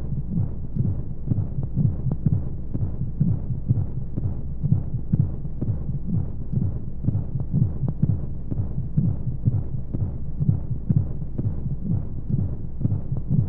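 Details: Womb-sound sleep aid for babies: muffled rhythmic heartbeat thumps, roughly 125 a minute, under a steady whooshing hum and flowing noise, as heard inside the womb; heartbeat.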